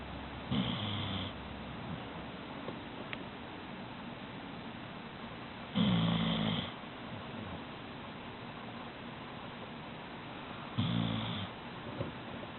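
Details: Sleeping puppy snoring rather loudly: three rattling snores about five seconds apart, roughly twelve breaths a minute, over steady room hiss; ordinary snoring.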